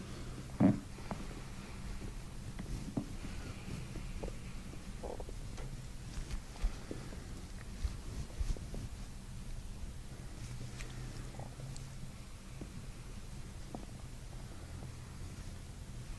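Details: Low, irregular gurgling and rumbling from the belly with a few sharper pops during gentle belly breathing in a chiropractic gut session; active bowel sounds (borborygmi).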